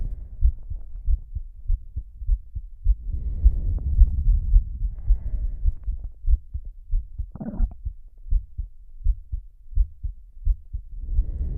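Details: Female heartbeat described as slow though she is fast; low, steady thumps at roughly 105 beats a minute, with heavy breathing in the background.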